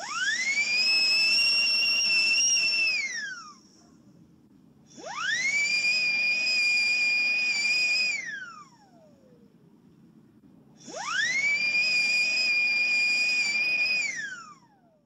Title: Dentist Drill Sound Effects